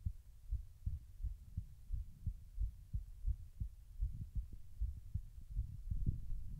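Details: Normal heart sounds recorded while the person tries to slow their heart rate: low paired thumps at about 88 beats a minute with faint rumbling noise.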